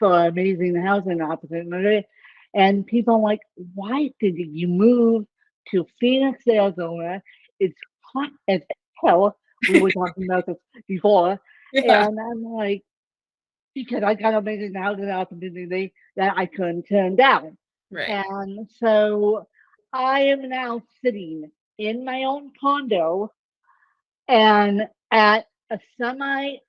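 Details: Adult woman with self-reported ataxic cerebral palsy; the speech impairment type is not named; dysarthria.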